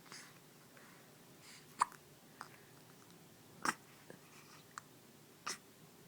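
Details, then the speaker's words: Baby with soft, sharp, brief hiccup sounds recurring irregularly, about a handful over six seconds, in a quiet room; infant hiccups. "Ah, do you have hiccups? Innocent, look at that spiky hair. Hi, baby. Do you have hiccups?"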